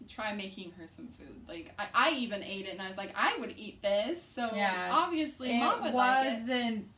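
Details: Young woman speaking; Normal speech.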